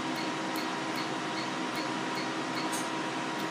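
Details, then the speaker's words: PicoSure picosecond laser tattoo removal on a patient's wrist, with boost for shorter pulses: regular soft snapping pulses, two or three a second, over fan hum, louder over dense ink pigment and quieter where ink is sparse. "I'm going directly over the pigment and you can hear where it's louder the theme the laser wavelength is seeking the pigment of the ink so where it's where there's less concentration of the ink it is less loud"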